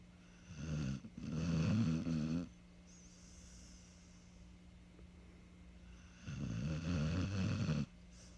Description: Snoring Dog named Harvey